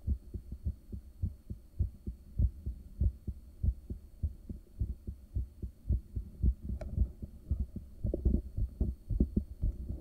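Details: Adult resting heartbeat recorded by ultrasound in the morning soon after waking, after caffeine and morning medications: steady, strong whooshing pulses, roughly 100 per minute, over a low hum.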